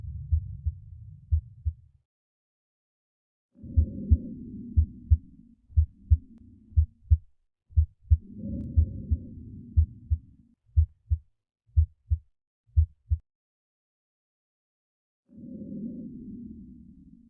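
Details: Heart sounds from a virtual patient on an auscultation simulator, played by clicking an auscultation site: regular low heart sounds at about 60 beats a minute with a soft whooshing sound between beats.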